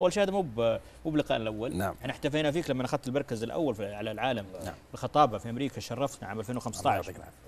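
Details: Adult man speaking Arabic; no speech disorder.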